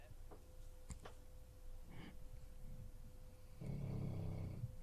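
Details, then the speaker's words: Snoring from a sleeping dog, possibly with a knee injury and bad hips and on medication: a low, rumbling snore in a quiet room with a steady electrical hum. "We Yeah. have a dog to listen to snoring."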